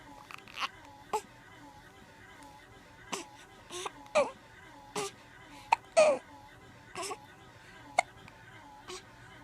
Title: Baby hiccups